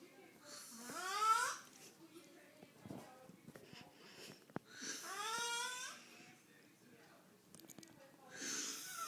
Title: My Uncle Snoring :D